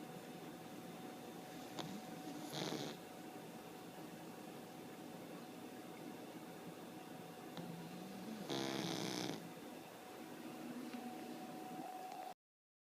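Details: Daughter snoring during sleep, recorded in 2013: two brief rattling, buzzy breaths several seconds apart over a steady room hum; soft snoring.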